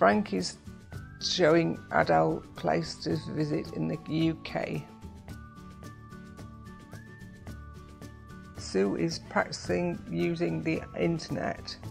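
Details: Adult male narrator; Normal speech.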